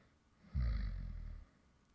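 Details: Light snoring from an adult man who fell asleep while recording (ASMR creator): a single low, rumbling snore lasting about a second during sleep; real snoring.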